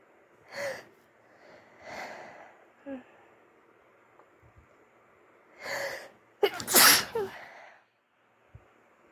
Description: Almost better from my flu. Still managed to get quite sniffly though. 😅🤧🥰